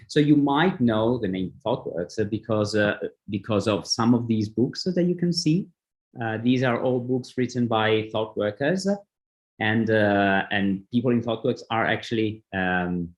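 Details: Adult male speaker; typical speech.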